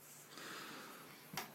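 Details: Baby with hiccups: a single abrupt, sharp breath catch after quiet breathing in a small room: a hiccup.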